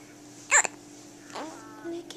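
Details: Hiccup in a newborn baby girl a few hours old: a single abrupt, sharp catch-like sound, then soft vocal noises over steady room hum; likened to a little puppy.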